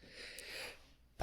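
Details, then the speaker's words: An adult's soft, breathy intake builds, then a sudden loud burst breaks in at the end and is cut off: an unusual-sounding sneeze. "oh god bless you that was a weird sneeze that was i want to hear what that sounded like"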